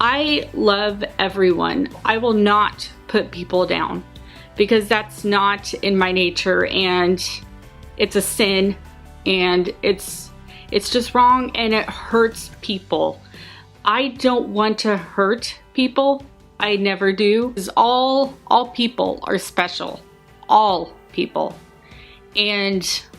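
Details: Adult woman with a severe lifelong stutter, worse when reading, rehearsing, nervous, excited or scared; blocks where words won't come out, with fillers like "um" used to get past them; stuttering.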